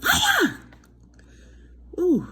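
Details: A loud voiced sneeze with falling pitch, a pause, then a softer vocal burst, right after inhaling strong menthol from Dubai; adult with days of congestion, runny nose, coughing and throat itch, not pregnant.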